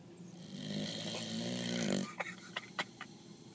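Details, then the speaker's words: Mastiff dog apparently awake while snoring; a rough, buzzing snore on a breath followed by a few sharp clicking snorts. "Are you sleeping? Cuz you're snoring."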